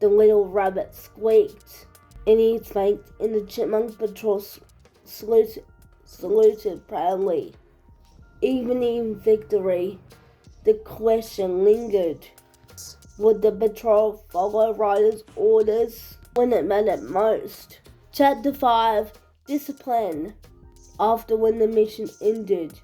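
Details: Adult woman reading a story aloud; speech in cerebral palsy.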